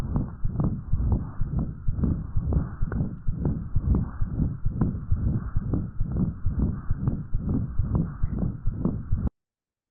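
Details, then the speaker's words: Child: fast heartbeat, about 130 a minute, with a steady rumbling, slightly musical noise filling systole and diastole without a break: continuous machinery murmur. "so to me that it's it's a lot more of a slightly musical quality but almost sounds"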